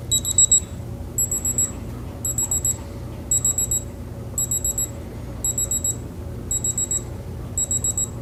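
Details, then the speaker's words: Repeated high, shrill electronic beeps, about one burst a second, from a digital thermometer held under the tongue signalling a finished sublingual reading (36.6 °C) during a demonstration physical exam of a seated adult. "you're going to take your temperature with this so just hold this underneath your tongue until it beeps okay"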